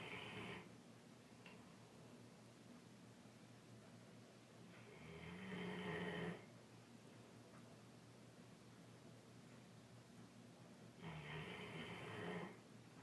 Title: Snoring mastiff